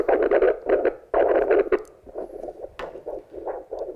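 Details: Handheld Doppler on the wrist gives rhythmic whooshing pulses: a normal radial pulse with blood flowing, demonstrated during tourniquet first-aid training.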